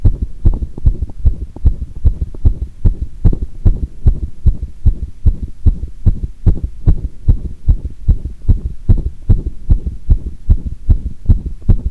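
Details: Own heart sounds recorded with pressure applied after doing squats: rapid, strong, steady low thumps over a faint hum, with a single irregular beat (arrhythmia) once.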